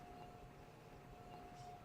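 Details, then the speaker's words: Intubated, paralyzed pediatric asthmatic patient, tachycardic at 130, SpO2 94% on 40% oxygen, sounds very tight with poor air movement, very few inspiratory and very quiet expiratory noises, no wheeze audible due to severe obstruction: silent chest. "say he sounds very tight there's really not a lot of good air movement here there is very few inspiratory noises and also very quiet expiratory noises"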